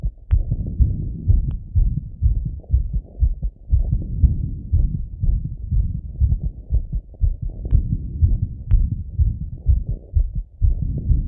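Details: Male, self-auscultation with stethoscope after a workout set: fast, strong heartbeats about 120 per minute; normal heart sounds at raised rate after exercise.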